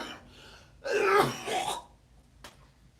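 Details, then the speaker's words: One harsh, loose cough burst with a brief follow-up sound from an adult with slight asthma and a chest cold, congestion coming up after using a recently returned inhaler; productive cough. "when I take my inhaler out of the blue it just starts coming up so I get these crazy coughs but you could cough it all"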